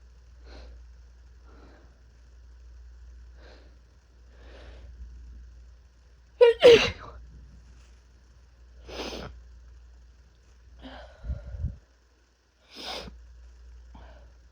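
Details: Adult with first cold of the year, with body aches, chills, fever and coughing: soft breathy lead-in breaths, a sharp forceful sneeze, then several stifled muffled sneezes with a sniff between.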